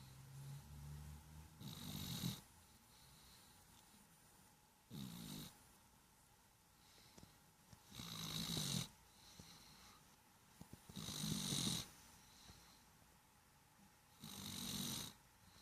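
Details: Small 7 lb cat with cerebellar hypoplasia and asthma: soft, wet, snuffly snores about every three seconds, near 19 breaths a minute, against quiet room noise; snoring.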